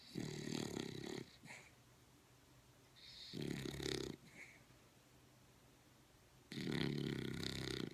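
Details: Snoring during sleep: loud, rough, rattling snores on each inward breath, with quiet gaps between them.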